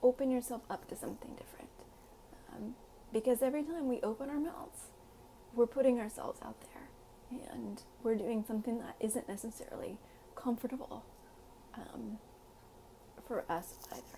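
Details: Adult woman with self-reported spasmodic dysphonia (involuntary vocal muscle contractions), not confirmed by laryngoscopy but, she says, much confirmed otherwise; she is otherwise healthy.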